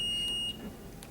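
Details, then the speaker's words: Zoll R-Series defibrillator delivering a 75-joule synchronized cardioversion shock: steady high-pitched electronic tone lasting about half a second, then stopping. "Now sometimes you might have to hold that shock button down for just a second so that it will deliver the shock right with the R wave."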